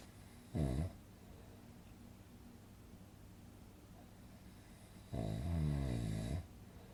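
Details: Relaxing snoring sound-effect recording for sleep: two rough, buzzing inspiratory snores separated by a quiet pause, over steady background hiss; snoring.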